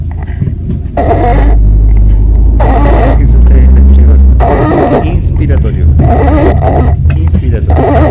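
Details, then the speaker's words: Child with type 2 laryngomalacia (arytenoid collapse plus epiglottic malformation): inspiratory stridor from inspiratory collapse of supraglottic structures over the vocal cords; inspiratory stridor, laryngomalacia. "la laringo Malasia más inspiratorio es un colapso inspiratorio de la estructura supraglótica supraglótica sobre la glotis sobre las cuerdas vocales"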